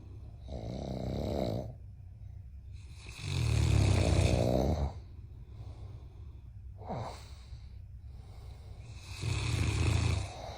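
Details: Snoring: loud, deep, rattling snores in a slow repeating rhythm, with quieter breath sounds between; heavy snoring.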